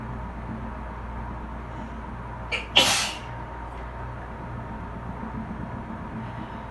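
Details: Adult allergic to bleach, sitting in a bath after cleaning with bleach: a single loud sneeze after a brief intake, over a steady dryer and A/C hum; allergic sneeze.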